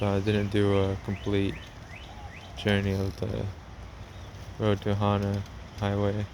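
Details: Man narrating a travel log, self-described as having a speech impediment, type not named; speech impediment.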